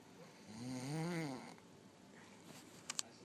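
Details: Sleeping man, an occasional snorer: one long, loud, rumbling snore on an in-breath, then quiet room noise with two faint clicks; ordinary snoring.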